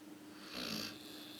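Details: Two dogs sleeping together, snoring: a single short, breathy snuffling snore over a steady background hum.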